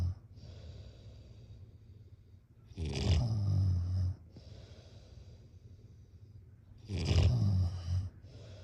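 Deep rattling snores about every four seconds, roughly 15 breaths a minute, with quiet breathing between. Ordinary snoring.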